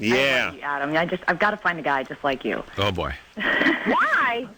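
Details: Woman just prescribed lithium, with a history of eating disorders: pressured speech.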